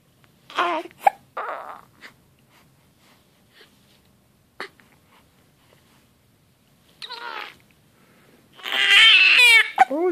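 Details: A 2½-week-old baby boy crying angrily while hiccuping.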